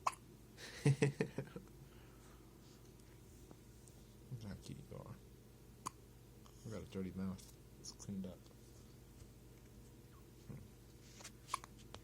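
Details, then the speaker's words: Newborn girl's first hiccups: a few soft, abrupt catching sounds among quiet room noise and low adult voices; infant hiccups. "You got your hiccups? Look at you. Oh, you're so cute. These must be your first hiccups."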